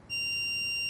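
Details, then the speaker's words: Steady high-pitched alert tone from a training AED in adult mode after the voice prompt "analyzing heart rhythm, shock advised", with pads placed on a patient during a real-time CPR demonstration; shock-advised alert. "do not touch the patient analyzing heart rhythm shock advised"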